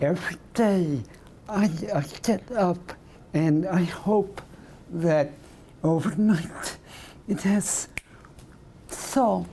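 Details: Adult male with segmental dystonia of the voice box, tongue and lips (spasmodic dysphonia with oromandibular/lingual dystonia), tongue thrusting during speech, onset about two years earlier; speaking after Botox injections into the tongue, with results no better.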